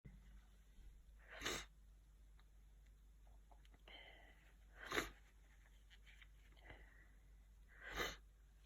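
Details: Person with a cold sneezing: three separate sharp sneezes a few seconds apart, with quiet sniffly breathing between them, in a quiet room.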